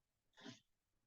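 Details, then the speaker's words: A single sharp adult sneeze, a brief explosive burst of air in a quiet room, which the person blames on spring allergies. "okay sneeze break y'all didn't need to hear that these spring allergies ain't no joke"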